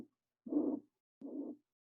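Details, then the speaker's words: Mitral regurgitation murmur, demonstrated for veterinary technology nursing students: long whooshing "shh" sounds of blood squirting backward replace the crisp lub-dub, though S1 and S2 remain faintly audible. "that Sh is the the the sound of blood squirting backwards at a high speed and what it really was gonna sound like you're not even going to hear the love in the dub you're just gonna hear the Shh"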